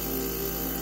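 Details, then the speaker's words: Steady mechanical hum with a low motor drone from a nebulizer compressor running during a child's asthma treatment, during an asthma flare-up the parent suspects is from heightened allergies. "yeah got my chin my baby is now doing sound frequencies for his asthma he has the nebulizer in"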